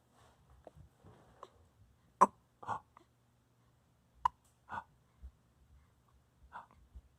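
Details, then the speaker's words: Baby with hiccups: short, abrupt little catches at an irregular pace, about 30 a minute, in a quiet room. "Oh no, the hiccups. Oh no, the hiccups."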